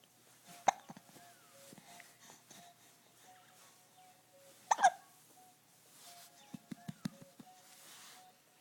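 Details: Infant girl with hiccups: two sharp, brief hiccup bursts a few seconds apart with faint gurgles over quiet room noise; infant hiccups.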